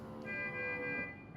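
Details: Steady electronic alarm tone from a Contec CMS 5100 pediatric patient monitor, sounding because the pulse oximeter finger probe is not attached during a demonstration: patient monitor alarm.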